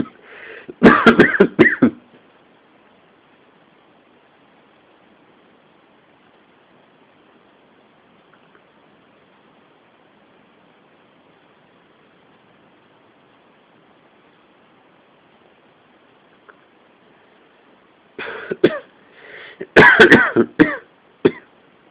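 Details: Adult with a cold, at the start of the coughing fits: two bursts of rapid, harsh coughs separated by a long quiet stretch; coughing fit.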